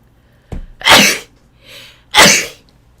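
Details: Adult streamer sneezing during a live stream: two sharp, explosive sneezes about a second apart, with a quick inward breath before the first, then says "bless myself."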